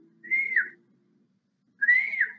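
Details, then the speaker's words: Lecturer's vocal imitation of wheeze during a pulmonary semiology lesson: two high-pitched whistling sounds, like the asthmatic's chest whistle, air passing through very narrowed small airways: wheeze. "Ele é um som agudo, ele não é um som porque ele está sendo atrapalhado por alguma coisa. Mas ele é um som agudo porque ele está passando, é como se ele estivesse passando por um capilar."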